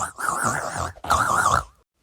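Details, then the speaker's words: A person imitates their dad's loud snoring with two loud, rattling, buzzy vocal bursts, each under a second. This is a mimicked snore, not real sleep breathing. "but the one thing that does scare me is dads specifically dogs are snoring like why is it gonna be so loud"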